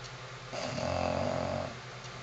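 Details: Female English bulldog snoring: one loud, rough, fluttering snore lasting about a second, with quieter noisy breathing before and after.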